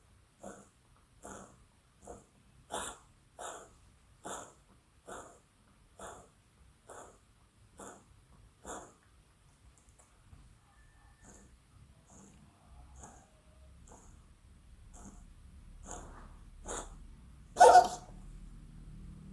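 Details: Cat with cough or gagging as if about to vomit, treated by its owner with amoxicillin (causes listed as possible: hairball, respiratory infection, asthma, throat irritation): about a dozen rhythmic short hacking expirations, a pause, then more ending in a loud retch.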